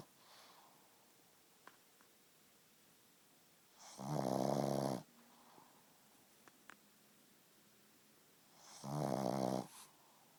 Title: Pug snoring